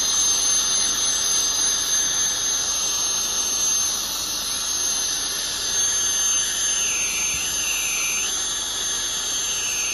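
Loud continuous high-pitched hiss and whine of dental cleaning instruments, with shifting pitch as the scaler and air-polisher work.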